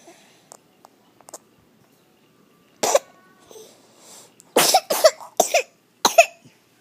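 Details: A cough.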